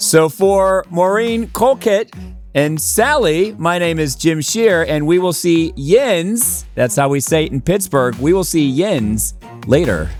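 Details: Adult male speaker; plain speech.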